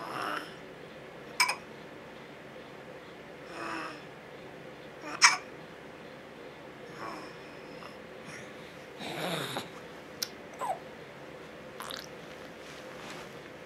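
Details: A baby boy having hiccups, recorded with a camcorder: brief sharp gulping sounds about 16 a minute between soft breaths; infant hiccups.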